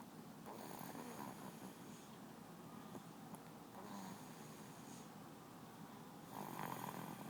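Steady rough snoring with repeated louder rattling breaths over a constant low background noise.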